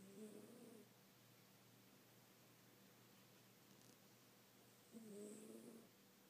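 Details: Two brief, faint nasal snores about five seconds apart, with a quiet steady room hum between them; snoring.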